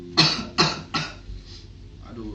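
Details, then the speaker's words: Three loud, harsh cough bursts in quick succession, acted in a comedy skit parodying a cough-medicine advert; simulated cough. "Aduh, batuk nih. Oh iya, aku lupa minum fix Formula 44 aku."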